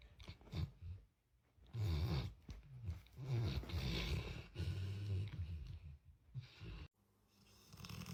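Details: Sleeping dog: loud, low, rattling snores, several irregular breaths with short pauses between them; snoring.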